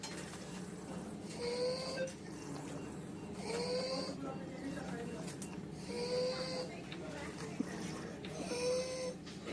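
Noisy breathing with a harsh, high-pitched musical note on each breath, about 24 breaths a minute, over steady room noise. This is stridor from a small foreign body lodged between the vocal cords. It can be mistaken for the wheeze of asthma.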